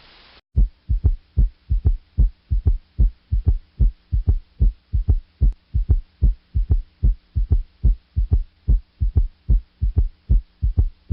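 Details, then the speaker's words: Third heart sound (S3 gallop) with the stethoscope bell placed lightly on the apical impulse, patient rolled partway onto the left side: regular heartbeat about 75/min, extra soft sound after S2 in a three-beat rhythm. "then recheck the position of the apical impulse and place the bell lightly on it if the patient had inaudible s3 it would sound like this"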